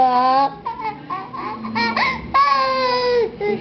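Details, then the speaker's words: 2-year-old girl crying in sustained, tonal wails broken by brief catches of breath and whimpers, while someone asks why she is crying. "Bakit ka umiiyak sugar iiyak Iyak ng iyak"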